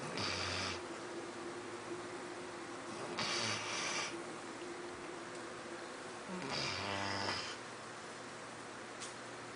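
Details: Labrador snoring after a busy day and slow to wake: three noisy, rattly snores spaced several seconds apart, with a steady hum in the room; ordinary snoring.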